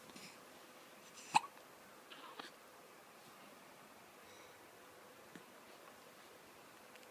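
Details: Hiccups while making silly faces: one sharp, abrupt hiccup followed by a few softer catches against a quiet room background. Hiccups.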